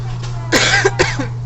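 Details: Cough from a vlogger who says they have developed a cough: a short burst of two or three dry coughs breaking into speech, over a steady background hum.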